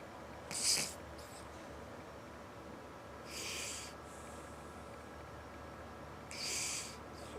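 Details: An overweight pet cat snoring while napping.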